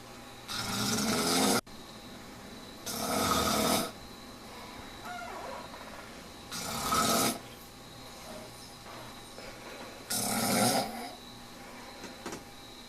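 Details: A sleeping man, recorded 21 October 2001, gives four loud, rasping inward snores with quiet gaps, roughly 17 breaths a minute: ordinary snoring.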